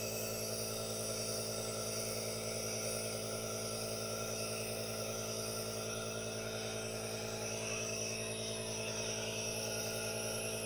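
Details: Aerosol nebulizer running for a no-talking ASMR relaxation recording with hand movements: steady mechanical hum and hiss with a rapid buzzing pulse from the compressor.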